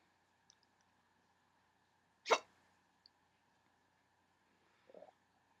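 A single sharp, abrupt hiccup against quiet room noise, followed later by a softer faint sound.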